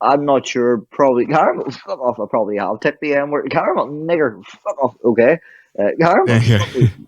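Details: Adult man with Tourette syndrome producing involuntary vocal tics, including swear words and random phrases; Tourette syndrome vocal tics.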